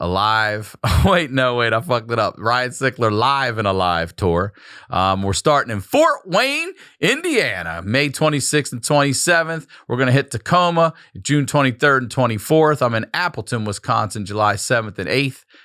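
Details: Adult male speaker; normal speech.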